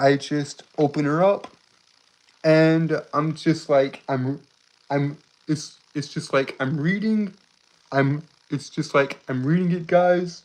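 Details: Adult male streamer with a self-described speech impediment that makes him stutter and trip over his words; stuttering.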